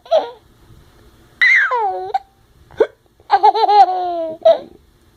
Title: Me and my son hiccups battle